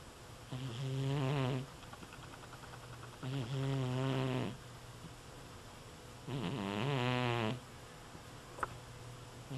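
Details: Ordinary snoring: three long, loud rattling snores on breathing in, about 20 a minute, with quiet pauses between.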